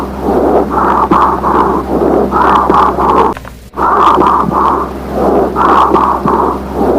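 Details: Whispered pectoriloquy heard on chest auscultation.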